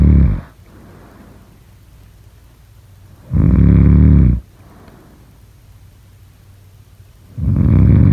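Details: Snoring.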